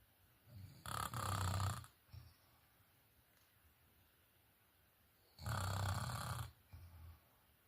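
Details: Two loud, low, rattling snores about four seconds apart, each followed by a softer breath, in a quiet room during sleep; snoring.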